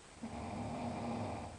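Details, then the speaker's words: Snoring from a sleeping adult man at midnight: a loud, rough, rumbling snore on a single long breath, with a low rattling buzz throughout. "sound you are hearing it's not a machine it's not even an animal it's a human being he's enjoying his midnight Z's"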